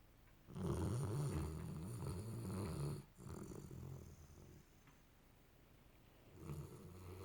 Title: cute snoring dog